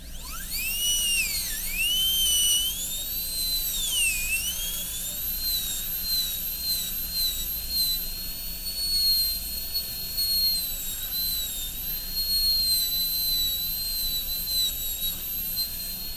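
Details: High-speed dental drill extending the boxes gingivally in an MOD amalgam preparation on tooth 29 of an Acadental typodont: a steady high-pitched whine, its pitch dipping under load.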